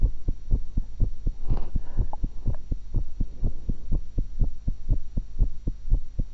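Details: Own heart recorded through a stethoscope while eating an apple and a cucumber: fast, regular lub-dub at roughly 125 a minute, with a steady hum and brief chewing noises; heart sounds.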